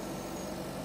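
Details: A steady, low mechanical hum with a faint rhythmic motor throb from an oxygen concentrator running, adjustable 1–10 litres per minute, used for COVID-19 lung disease.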